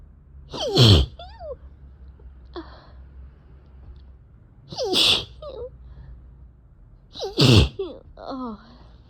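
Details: Three sneezes in quick succession with gasping breaths and small groans between; a bout of allergic sneezing from cat exposure, nose tickling, sore throat, eyes barely opening.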